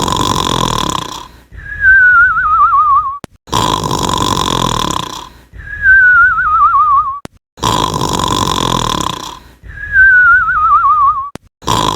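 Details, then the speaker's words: Acted cartoon snoring in an animated advert: loud rasping inhalations alternating with wavering whistled exhalations, about 15 cycles a minute; simulated snoring. "today's episode is the snoring advert enjoy the video"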